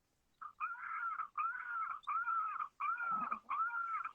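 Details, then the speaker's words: Newborn boy's first cry at birth, recorded by the hospital and played back through a small speaker: short, thin, wavering cries in quick bursts; normal newborn cry. "hopefully you can hear it it has his first cry"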